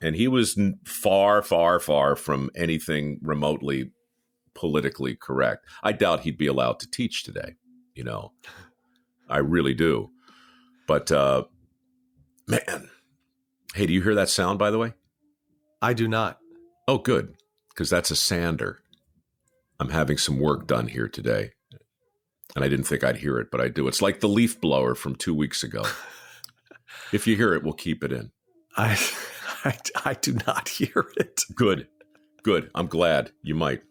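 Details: Man who stammered since youth and says it now rarely recurs, with word repetitions heard: stuttering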